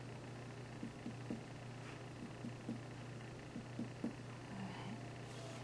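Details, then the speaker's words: Soft, irregular finger taps on the abdomen over a steady room hum: abdominal percussion during an abdominal assessment, after auscultation over the renal arteries, aorta and femoral arteries, before palpation for tenderness. "All right, then I'm just going to make some tapping sounds on your tummy."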